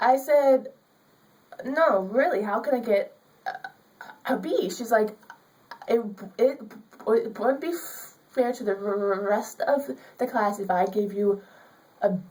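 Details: Woman student with stuttering; she is given extra time in class because of it, and her public speaking teacher limited her grade to a C because of her stuttering.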